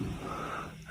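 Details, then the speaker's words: Patient with severe COVID-19 struggling to breathe: a brief strained, gasping breath with a faint whistling tone, laboured breathing. "in severe cases those with covid-19 say they feel like they're drowning you can hear this patient struggling to breathe"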